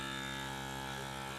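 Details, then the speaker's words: Traditional automatic blood pressure monitor pumping up the arm cuff, shown for noise comparison with a wrist cuff monitor: steady loud motor buzz of the cuff inflation pump. "In fact, okay, so this is a traditional one. It's pumping up the cuff, and this is how it sounds like."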